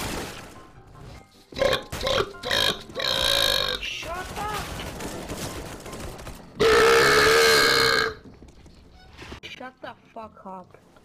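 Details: Gamer deliberately burping into online Counter-Strike: Global Offensive voice chat to troll other players: long, loud, deliberate burps among game sounds, speech and music; forced belching.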